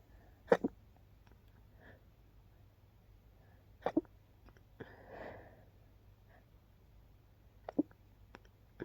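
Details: Several quiet, clipped, held-back sneezes, about three in nine seconds, suppressed after waking with a persistent nose tickle so as not to disturb others; stifled sneezes.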